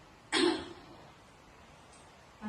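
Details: Simulated effective-cough demonstration in a nursing-student education role-play, done after deep-breathing exercises to clear sputum: a single forceful cough burst that fades quickly.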